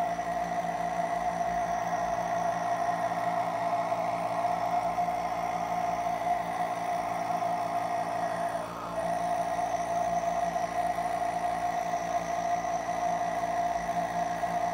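A steady mechanical hum and buzzing whir runs without a break, with one brief dip in pitch partway through: a nebulizer compressor in operation.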